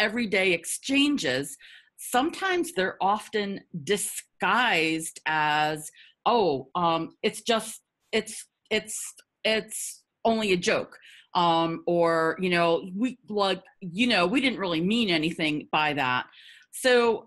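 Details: Adult woman who stutters, with repetitions audible in her spontaneous speech; stuttering.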